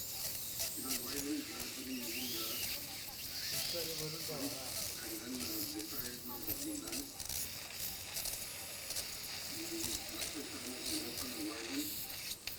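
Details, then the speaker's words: Continuous hissing and slurping of fluid and suction with faint voices; copious irrigation and suction during ear surgery in a 26-year-old male with hearing loss, facial palsy, and a whitish patch behind an intact tympanic membrane. "So the imaging show Copious irrigation."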